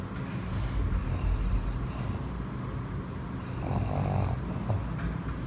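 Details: Dog asleep on its owner with its eyes open: low, fairly loud, uneven rattling snores repeating with each breath; snoring.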